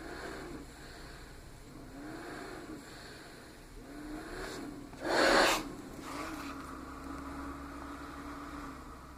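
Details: Small travel CPAP (DreamStation Go, AirMini or Transcend) running at 10 cmH2O with flex 3: steady low blower hum, pitch rising and falling gently with each breath cycle.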